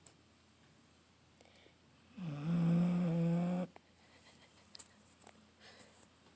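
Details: An about 11-year-old female basset/beagle mix in fairly good health; one loud, low, buzzing snore of about a second and a half, with quiet breathing and small rustles around it: snoring.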